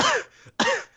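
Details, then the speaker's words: Two short, loose coughs in quick succession from a young person who says he is ill with an illness passed among friends, with sniffing and coughing; cough. "and literally every single one of us is ill like zach had it first then he passed it to me and now jackson lee got it so you will hear a lot of sniffing and coughing"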